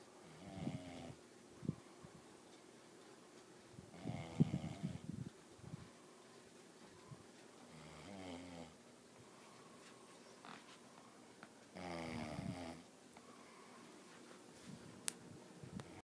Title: Caught my brother snoring